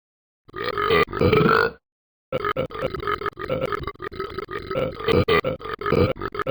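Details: Burping: a long, loud belch, a pause, then a rapid run of repeated belching bursts.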